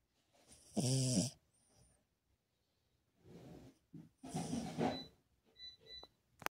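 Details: A King Charles Cavalier dog snoring during a nap: rough, rattling snores on each breath, with quiet gaps between them.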